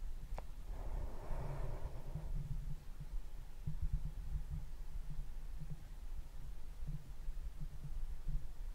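Muffled low thumps of an adult heartbeat, steady and unremarkable, with a brief rustle near the start.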